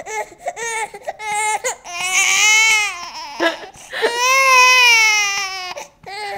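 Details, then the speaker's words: Infant girl crying after feeding when picked up to burp, her typical reaction after eating and burping; loud, high-pitched long wails with short breaths between; infant cry. "she was doing great until I picked her up to burp then she just freaked out this is her typical trade after eating and burping"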